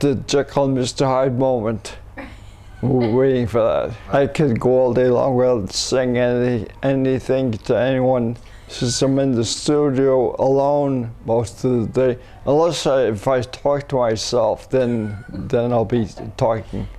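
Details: Adult man with multiple system atrophy, first diagnosed as cerebellar ataxia, after umbilical cord blood stem cell treatment in China in late 2008; speech affected, sees a speech pathologist; dysarthria in multiple system atrophy.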